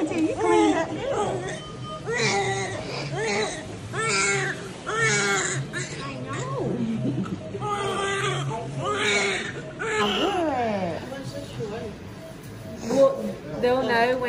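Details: Vigorous newborn cry: repeated strong, high-pitched wails of a baby girl just after delivery by scheduled C-section at 39 weeks, with voices in the operating room.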